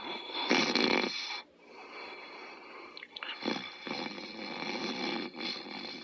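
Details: Otto, a sleeping animal, snoring: raspy, whistling snores on each breath with a hissy, noisy quality.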